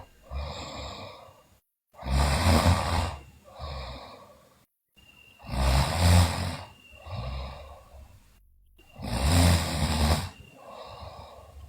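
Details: Loud, rough, breathy snoring from a sleeping girl, about seventeen breaths a minute, with noisy inhalations and softer exhalations.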